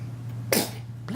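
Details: Baby at 29 weeks old during playtime: a single short, soft sneeze over steady background hum; sneezing.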